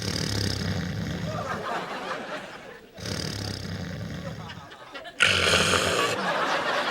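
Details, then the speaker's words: Exaggerated acted snoring from a TV comedy scene, with loud, harsh, rattling snores in long breaths. "What the hell? Oh, you were snoring again. Louder than ever."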